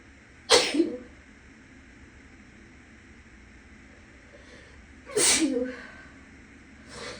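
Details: Sneezing person, still a little sick, with clothing tags clipped on both sides of the nostrils, in an echoing bathroom with a fan humming in the next room: two sharp sneezes several seconds apart and the start of a third.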